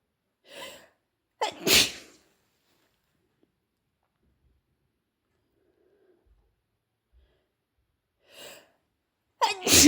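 Two sneezes, each with a quick intake of breath and then a sharp, explosive burst, separated by a long silence.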